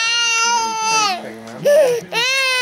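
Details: A baby crying after his mother says no: loud, high-pitched sustained wails with a brief break and soft adult murmuring between; infant crying.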